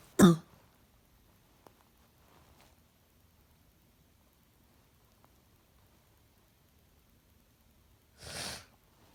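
Two short, separated cough bursts, one at the start and one near the end, with quiet room noise between them.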